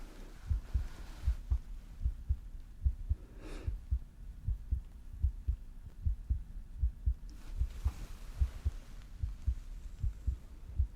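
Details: Steady paired heart thumps at about 75 beats a minute heard through a stethoscope on the chest during a simulated hospital exam, with a couple of soft breaths; heartbeat.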